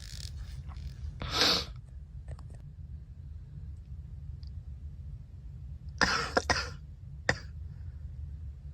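Several sharp, dry coughs in quiet room noise, a single one, then a quick pair and one more; deliberate, acted coughing.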